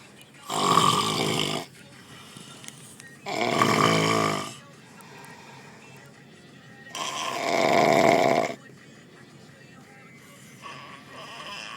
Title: Fat man snoring(Leave Comment)